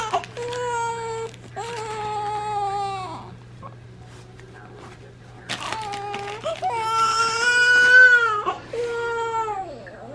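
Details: Newborn baby boy, about 24–26 hours old, in hospital after vaginal delivery: two bouts of loud, sustained wailing cries with brief pauses over a steady mechanical hum; ordinary newborn cry.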